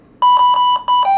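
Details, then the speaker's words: Drager V500 ventilator with no patient attached, being put into standby before the alarm is reset: rapid repeated electronic alarm tones; ventilator alarm. "you don't do that with a patient on it and then I reset the alarm"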